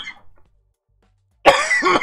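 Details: Adult streamer's harsh, rough coughing fit with some throat clearing after smoking a bowl of cannabis (Gorilla Glue #4), following a brief sound and a pause; cough.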